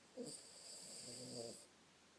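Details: A single soft snoring breath with a rough, rattling quality and a faint whistle, against quiet room noise.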